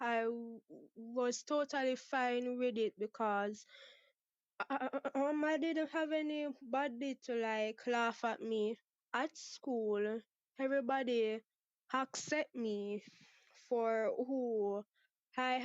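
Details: 23-year-old Jamaican woman who has stuttered since about age six, with father and sister who also stutter and no speech therapy ever; stuttering.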